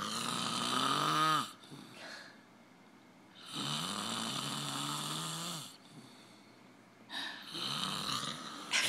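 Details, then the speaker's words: Adult man asleep after drinking, snoring loud enough to be heard across the house: loud, rough snores on each in-breath with quieter out-breaths between; snoring. "can you believe how freaking crazy loud he is I mean I heard it from my bathroom and I'm all the way across the house"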